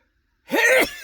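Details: Single brief, voiced, explosive sneeze from a male sitting in his car after dinner at a restaurant, in a quiet, enclosed space.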